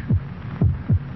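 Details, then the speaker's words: Normal human heartbeat from a TV pain-reliever commercial: regular low double thumps at about 72 beats per minute with a faint hum behind, a normal rhythm. "this is a sound of a human heart it will beat 72 times in this minute every beat can be a painful throb if you have a headache"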